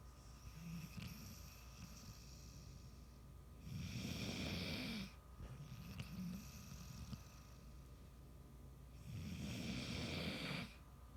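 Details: A sleeping animal snoring: two loud, rough, rumbling breaths about five seconds apart, with softer breathing between, over steady room hum.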